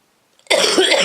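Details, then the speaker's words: A single harsh, loud cough burst after a brief quiet moment from an adult with a cold who is unwell in the chest; a chesty cough. "sorry about the coughing luck guys but no you can see I'm not too good in myself in my chest but hey in Santa Claus this time of year ah"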